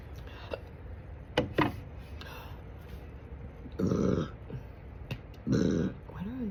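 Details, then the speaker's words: Big burps at night: a couple of short sharp throat clicks, then two long, deep, voiced belches; burping. "Even the burps are pitiful."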